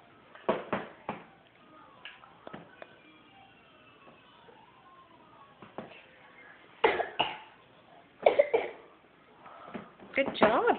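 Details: Young boy at breakfast fake coughing: about ten short, forced coughs in quick clusters, a harmless pretend cough.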